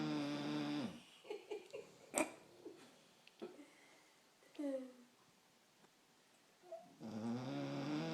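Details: Bulldog snoring after a day of fresh air: a loud, low, rumbling snore opens and closes the clip, with snorts and smacking sounds between.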